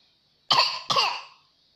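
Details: Two quick, bright fake cough bursts from a child pretending to cough while playing, asking for cough medicine.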